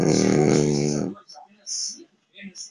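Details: Eleven-month-old male French Bulldog, a flat-faced dog, gives one loud, rough, rattling snore, then faint snuffling breaths; snoring.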